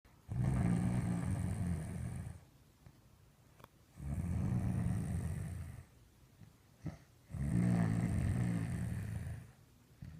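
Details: Three long, low, rumbling snores on the in-breath, about 3.5 seconds apart with quiet pauses between, recorded spring 2015: snoring.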